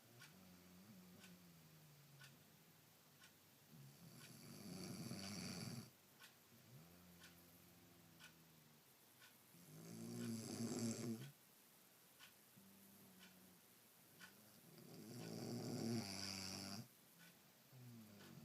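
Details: Woman snoring: rhythmic rattling snores on each breath, about 11 breaths a minute, with quieter breaths between.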